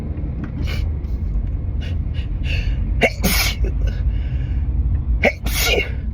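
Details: Two loud, partly muffled sneezes over car engine rumble: an allergic sneezing fit on a drive home after stifling all day. Triggers were high pollen, wedding flowers and a strong synthetic car air freshener the person is allergic to.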